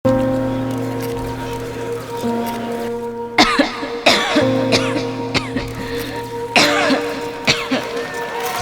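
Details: Several abrupt, harsh acted coughs from an adult in a cough-medicine TV commercial, breaking through steady background music.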